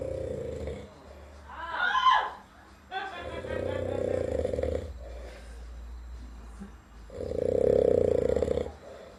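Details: Heavy snoring in a person asleep after heavy drinking: loud, rough snores on a few breaths with quieter gaps between.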